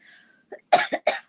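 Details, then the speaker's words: Adult woman presenter, unwell and being wished a speedy recovery, warns she will be coughing and spluttering during a live show: a small throat sound, then a short run of three sharp coughs; a lingering cough. "I'm going to be coughing and spluttering a bit and uh doing my best to do the show this morning."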